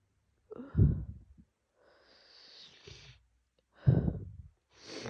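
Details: Wet, messy sneezing while sick with a cold: two explosive wet sneezes separated by a long noisy indrawn breath; each urge to cough triggers a sneeze, leaving the throat sore.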